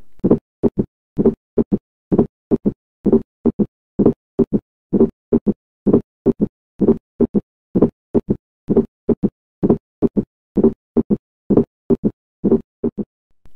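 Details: Quadruple gallop rhythm, with both S3 and S4 gallops heard.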